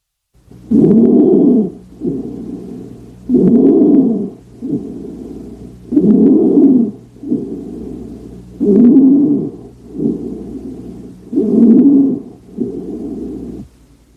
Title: INSPIRATORY STRIDOR - TRACHEA | BREATH SOUNDS | AUSCULTATION